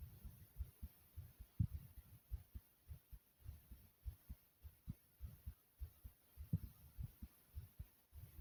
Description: my heart was beating like a racing horse here i hope you all like it.